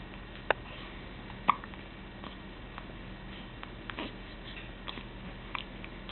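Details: Child with hiccups, head jerking with each hiccup: brief sharp clicks about once a second over steady room noise; hiccups.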